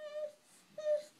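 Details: Two brief, thin whimpering moans from a young boy with Glut1 Deficiency during a seizure that includes lip smacking, with his father comforting him in a quiet room: vocalization during seizure.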